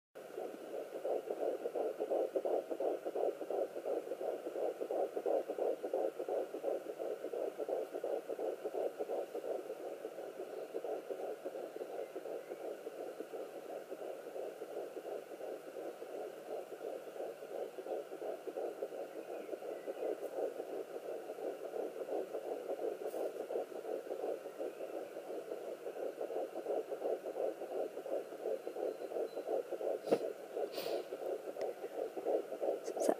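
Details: Fetal heartbeat at 11 weeks pregnant on a Sonoline B fetal Doppler: rapid, steady whooshing pulses about 170 a minute.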